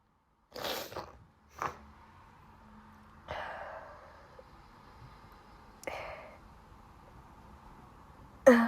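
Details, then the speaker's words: Sneezing fit from allergies, possibly from her cat, after a cold that has gone, with watery eyes; a series of loud sneezes with short pauses between them in a quiet room, one of them wet. "at was a wet one sorry and I'm sneezing because of allergies"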